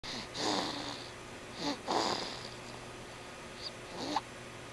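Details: Snoring: several snuffling, whistly breath sounds at irregular intervals over quiet room noise.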